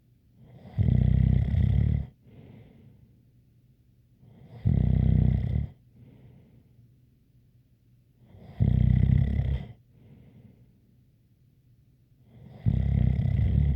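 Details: Regular deep rumbling snores on each breath in, about 15 per minute, with a faint whistle and soft breaths out: snoring with a light whistle.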